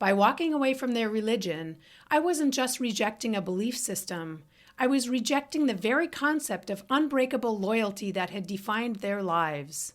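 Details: Adult woman; typical speech.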